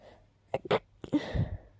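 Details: A short sneezing fit: a few quick, soft sniffing bursts, then a short sneeze-like expulsion.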